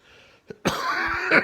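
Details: Fit 49-year-old man on day 5 of COVID-19, feverish and awake since 1 a.m., struggling to breathe and cough: a single harsh, strained cough burst after a brief quiet catch.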